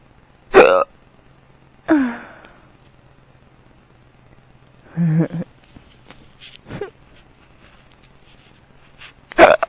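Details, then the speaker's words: Drunk adult man with powerful hiccups that hurt his tummy: sharp, abrupt voiced gulps every couple of seconds with quiet gaps between, some forceful; repeated hiccups. "You have the hiccups. Ow. Oh. I'm drunk. Oh. My hiccups sound weird."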